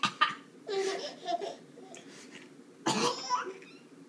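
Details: A mother coughing while her daughter laughs at the sound: cough.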